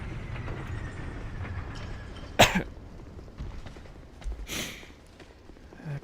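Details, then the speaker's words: Adult with a common cold, sore throat since the previous day, coughing and sniffling during a live game stream: a single sharp cough, then a softer breathy possible sniff over game sounds. "I will be coughing and sniffling a lot. I'm going to try not to do it into the microphone."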